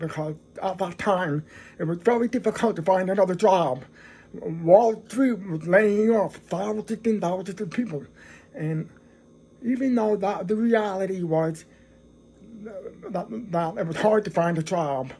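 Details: Adult man who is deaf and describes his own speech as a deaf voice; deaf speech.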